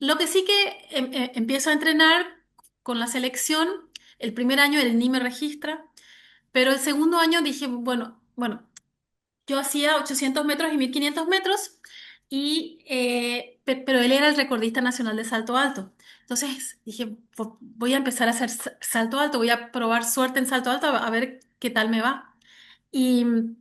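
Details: Adult woman who has stuttered since age 6, onset linked to her parents' divorce; severe in childhood, now mild (about 80% fluency) and cyclical, mainly blocks; word repetitions heard; stuttering.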